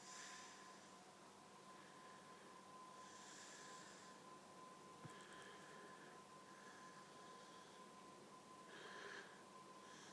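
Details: A person asleep after a night out gives a possible whistling snore: quiet, regular breaths, each with a faint whistling tone, about 18 a minute, over a steady background hum.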